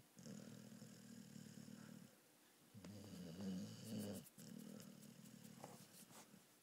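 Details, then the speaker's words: Pit bull dog snoring while awake with eyes open: low, rumbling snore-like breaths in long noisy stretches with brief pauses. "Tu ronfles les yeux ouverts?"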